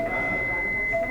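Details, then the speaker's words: Defibrillator charge-ready tone in a practical synchronized-cardioversion teaching demo: the yellow side button is pressed, a steady high electronic tone signals charge ready for shock; no real shock given to the patient. "No botão lateral aqui, que vai estar em detalhe agora, esse botão amarelo, se eu apertar, escutaram um barulho, esse barulho está mostrando a carga, que já está pronta para o choque."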